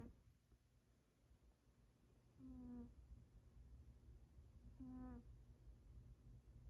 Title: Freddy cat snoring like a squeaky toy